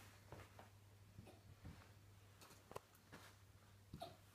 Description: Little cute husky puppy with the floppiest ears has adorable hiccups.